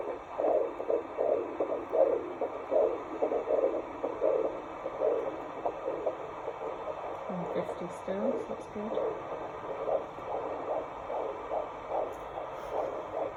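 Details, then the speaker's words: Fetal heartbeat on Doppler at about 14–15 weeks of pregnancy during a midwife appointment: rapid, regular whooshing pulses over Doppler hiss with brief background music. "hiding away from us you sound very happy in there very cheeky already"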